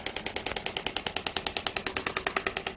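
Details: Rapid, regular sharp clacking pulses, about ten a second, from a radial shockwave applicator pressed hard and moved along the demonstrator's own gel-coated arm, showing a squeezing technique that can cause bruising.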